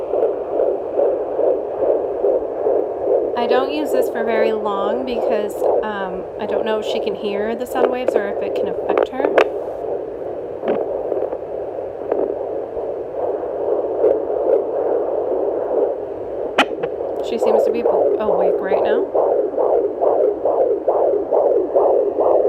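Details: Fetal heartbeat at about 20 weeks of pregnancy on a home fetal Doppler (FIGERM JPD-100S6) placed low on the mother's abdomen: rapid rhythmic whooshing pulses about 140 a minute, faint music.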